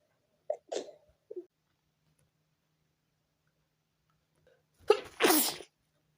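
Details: Adult sneezing fit at 4 a.m. preventing sleep; quiet room, cluster of three sneezes then two forceful sneezes after a pause.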